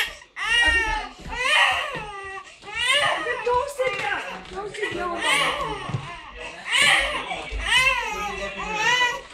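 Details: Baby girl crying in loud, wavering wails with short breaths between, in a small room; ordinary infant crying.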